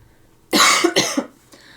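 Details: Adult still recovering from COVID-19, coughing during a live drawing stream: two quick, harsh, dry cough bursts in a quiet room, then a faint trailing sound. Lingering post-COVID cough.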